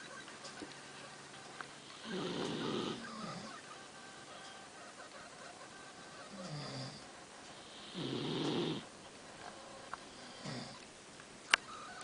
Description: man and dog snoring